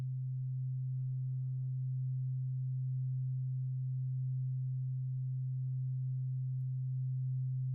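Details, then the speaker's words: Simulated ASMR ear-examination roleplay: a steady, low, pure tuning fork hum moving from one ear to the other, with faint rustling over it. "It is a tuning fork, and you are going to hear like a vibration from it go from one ear to the other."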